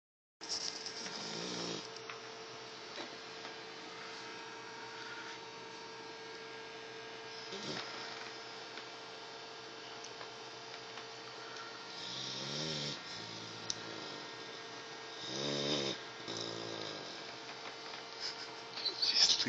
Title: Luna snoring after Mothers Day BBQ.